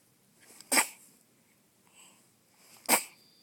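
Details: Two short, sharp, hissing bursts about two seconds apart: two sneezes from Lily, a 3-day-old puppy.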